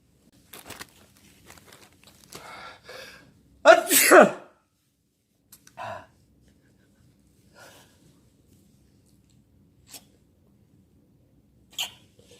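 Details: Man's first time sneezing using chhinkni: quiet sniffs and catching breaths, then one loud explosive sneeze followed by small snuffles in a quiet room.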